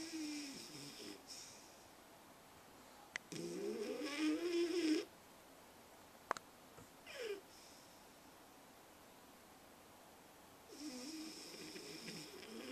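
Intermittent whistling, squeaky snoring breaths with quiet gaps and a couple of faint clicks; nasal snoring in a sleeping pet.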